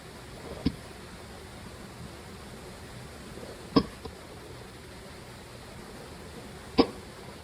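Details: Three sharp, brief catches about three seconds apart over steady room hiss. Repeated hiccups.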